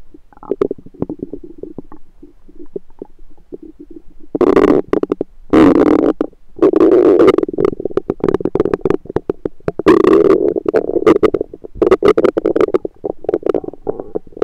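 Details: Own abdomen recorded with a USB stethoscope: bursts of gurgling and bubbling, growing louder and busier partway through; active bowel sounds, normal stomach rumble (borborygmi).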